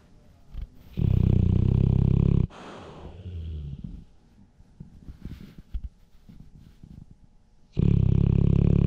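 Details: Blue-nose pit bull snoring loudly with his eyes open, recorded on a GoPro Hero 7 Silver: two long, loud, low rattling snores with quieter snuffling breaths between them; ordinary snoring.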